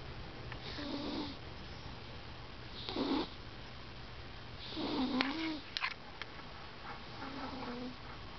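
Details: Soft rhythmic snoring from a sleeping, dreaming cat napping, about four breaths over several seconds with a faint snort; quiet room noise.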